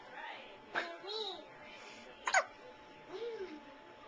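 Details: Baby: soft infant vocal sounds broken by two brief, abrupt hiccup catches, quiet room noise; hiccups.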